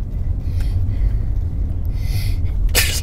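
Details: Ian, outdoors near a playground, with chips in his eye, gives a short in-breath, then a single super slobbery, wet, explosive sneeze over steady wind noise; sneezing.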